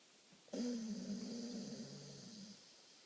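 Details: A single drawn-out, buzzing breath lasting about two seconds from a sleeping American Bulldog that is then woken: snoring.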